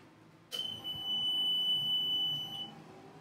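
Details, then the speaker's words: A single steady high-pitched electronic beep of about two seconds when a home oxygen concentrator is plugged in and switched on: the expected start-up alarm. "sometimes they do break when you turn it on if we plug it in and you will have an alarm right at the beginning"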